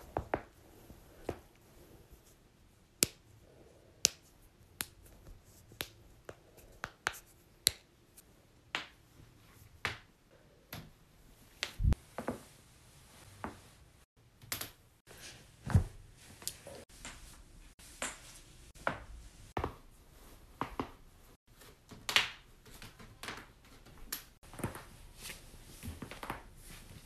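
Repeated sharp, dry pops and clicks at irregular intervals, typical of joint cracking.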